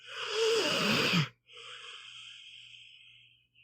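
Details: Sleeping pitbull dog: a loud rasping snore on the in-breath followed by a softer hissing out-breath, snoring.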